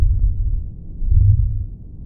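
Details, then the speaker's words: Decreased breath sounds at the left lung base, unilateral, heard through a stethoscope as muffled, nearly absent breathing with only a faint low rumble, while other sites sound normal. "I hear very muffled or absent breath sounds here so um it shows unilateral decreased breath sounds or the left lung base"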